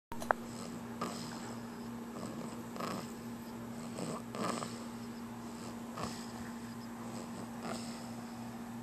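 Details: Baby snoring, recorded on a Flip Video camera.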